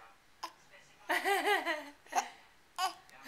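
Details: An infant has hiccups: three short, sharp hiccups, with a brief laugh-like voice sound between them.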